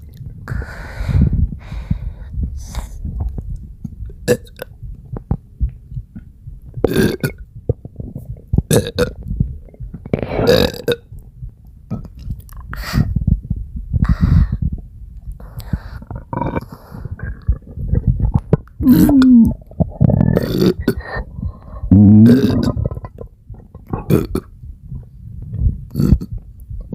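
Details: Person producing about a dozen loud, deep belches over half a minute, some long and throaty, with quiet gurgling stomach sounds between; belching (eructation).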